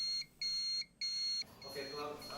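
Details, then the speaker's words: MRI room (1.5 Tesla) safety demonstration: repeated high-pitched electronic beeps about a third of a second apart, then faint room sound; oxygen monitor alarm sounding when leaked helium lowers room oxygen level. "if the helium gas should leak into the room where it can potentially lower the oxygen level of the air and oxygen monitor will detect this abnormality and an alarm buzzer will sound"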